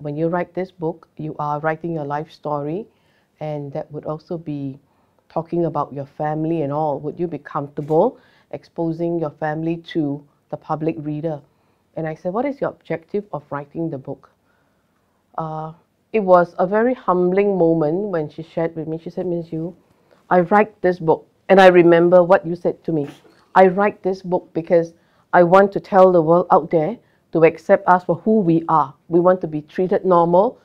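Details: Adult woman speaking; typical speech.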